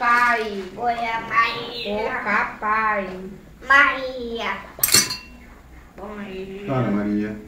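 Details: Young child; speech of a child with a cochlear implant.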